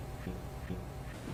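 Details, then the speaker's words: Chest auscultation while the patient says "e": the voice sounds like "a" with a nasal quality, which is egophony suggesting underlying lung consolidation. "When E sounds like a and has a nasal quality as in this example, egophony is present suggesting underlying consolidation of lung tissue."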